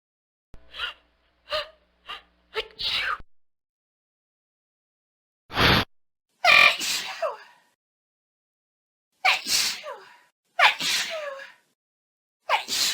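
A string of separate sneezes from different people, some short and sharp, some long and loud, in a quiet room; sneezing.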